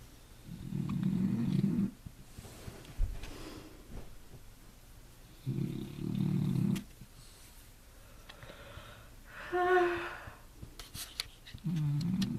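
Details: Devon, who has hiccups, breathing with regular low rumbling breaths, about three in twelve seconds, with quiet gaps between them; snoring.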